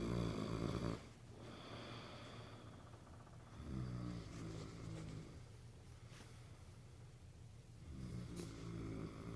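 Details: Loud, low, rough snoring in repeated bursts on the breaths, with quieter breathing noise between; snoring.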